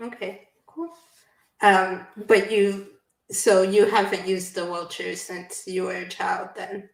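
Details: Adult woman speaking; typical speech.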